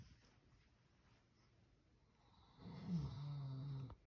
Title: Snore like a big dog Zeus! #dogsnoring